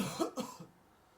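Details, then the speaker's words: Student coughing deliberately on cue in a laboratory droplet experiment comparing coughs with and without a surgical mask: two quick, forceful cough bursts, then quiet. "Coughing in 3, 2, 1, Go! We start the camera just before the student is coughing and we record over two and a half seconds."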